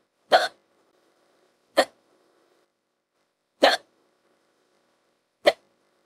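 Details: AI/fictional hiccup clip built from another hiccup recording with added hiccups, female character with speedy hiccups: four brief, sharp hiccup-like catches about every two seconds; simulated hiccups.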